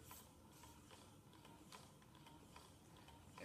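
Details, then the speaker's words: Hygeia EnDeare multi-user electric breast pump in a demonstration, with pressure and cycling speed being adjusted: a quiet mechanical hum with repeating clicks, roughly 70 a minute. "So we just turn it on, mom can take the actual pump and start pumping, and then adjust pressure here, and"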